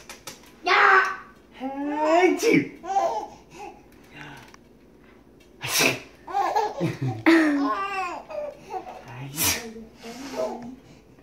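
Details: Baby sneezing: two sharp sneeze bursts, each followed by the infant's laughter and adult voices; the baby finds sneezing hilarious.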